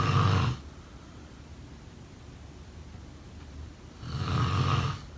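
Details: Two low, rattling inspiratory snores a few seconds apart over quiet room noise; snoring during sleep.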